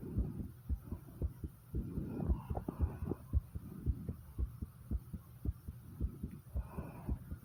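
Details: Heartbeat recorded right after 50 squats with heavy breathing: rapid, regular thumping at roughly 110 to 120 beats a minute over a background hum; a fast rate after exertion.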